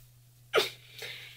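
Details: Adult woman with Tourette syndrome and OCD, whose tics go through phases and are worse on the day of recording; vocal tic.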